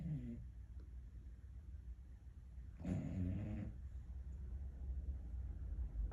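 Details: Snoring in an American Bully puppy: one loud, low, rumbling snore on an in-breath, with faint breathing around it and steady low room noise.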